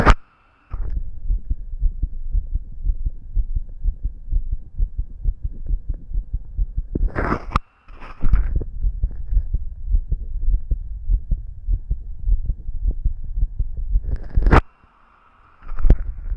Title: Listening to my visible heartbeat